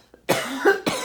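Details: Two harsh cough bursts in quick succession from an adult with a nagging cough, part of an ongoing coughing spell that interrupted her talking.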